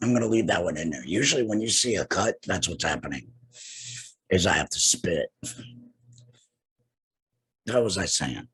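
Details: Adult man two years after total laryngectomy for cancer with radiation and chemotherapy, breathing through a neck stoma and speaking with a tracheoesophageal puncture voice prosthesis and an HME: tracheoesophageal speech.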